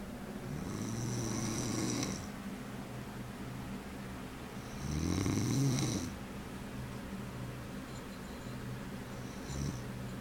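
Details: Adult man (father) asleep in a quiet room: loud, rough, growling snores on the in-breath, roughly every four seconds; snoring.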